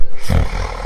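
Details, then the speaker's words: Sleep apnea example: a snoring partner stops breathing for a few seconds, then gives a single loud, deep snort as breathing resumes. "Caso 2. Tu pareja ronca. Se detiene por unos segundos y luego hace un resoplido fuerte como si volviera a respirar."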